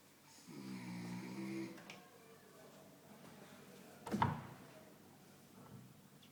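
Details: Person snoring while asleep during prayer: a single drawn-out, low, rattling snore, then quiet breathing and a brief snort in a quiet room.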